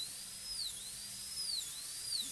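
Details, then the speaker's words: High-speed dental handpiece with a football diamond bur cutting the lingual reduction of a maxillary canine PFM crown preparation on a typodont model tooth: high-pitched whine dipping in pitch as the bur cuts. "Okay, now we have to do the lingual reduction. And I'm going to use a football diamond to start with"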